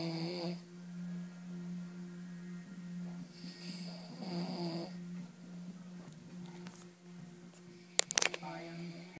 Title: my snoring dad